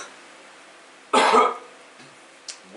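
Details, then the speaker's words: Adult woman recovering from the flu: a single harsh cough burst in a quiet room; post-influenza cough. "getting over we're getting over the flu Bob you know um I'm just I'm I'm a I'm a day or two ahead of the camera girl cough it up honey cough it up don't worry about it cough it up get it out"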